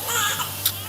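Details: Brief high-pitched cry of a newborn boy just after assisted delivery with suction and fundal pressure in a maternity hospital, heard over room hum.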